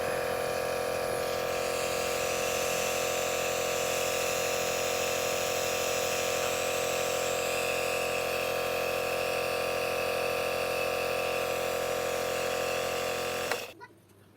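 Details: Omron NE-C101 compressor nebulizer, bought for a 2-year-old with first asthma-like breathlessness, test-run: steady droning motor hum with constant buzz for about 13 seconds, then switched off.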